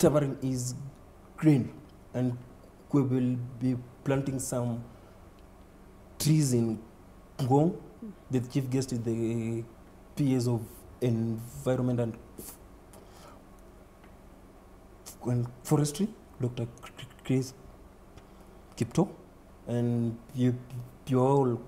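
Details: Adult man who has stammered since about age four, reporting repetition, effortful blocks, prolongation, added syllables and word avoidance; stuttering.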